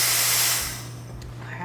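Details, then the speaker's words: Oxygen tank valve cracked open on a veterinary anesthesia machine: a brief rush of hissing gas that quickly fades. "i'm going to turn my oxygen on cracked and the same thing it's going to be righty tighty lefty loosey"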